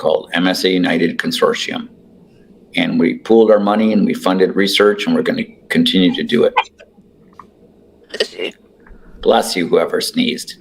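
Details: Adult man speaking; ordinary speech.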